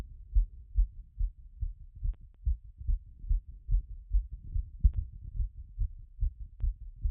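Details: Own heart auscultated by stethoscope after exercise: regular low thumps at roughly 140 a minute, settling from a peak of around 180.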